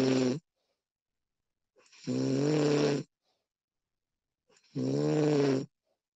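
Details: Snoring of a recorded woman, female version sound-effect recording: loud, rough, buzzing breaths in a steady rhythm about 21 a minute with faint intakes between.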